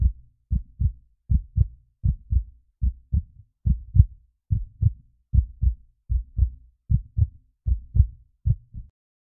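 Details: Steady paired low lub-dub thumps at about 76 beats a minute; an ordinary heartbeat.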